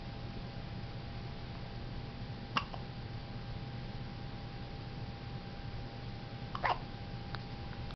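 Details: Two brief, sharp hiccup sounds about four seconds apart over steady low room hum and a faint tone; hiccups.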